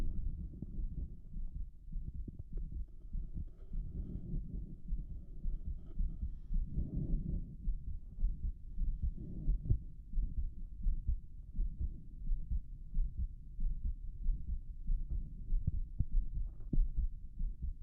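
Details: Rapid, forceful heartbeat, about 95 beats per minute, heard through a stethoscope over the chest of an adult male, with heavy low rumbling. He reports a visibly heaving apical impulse while the listener examines his heart valves.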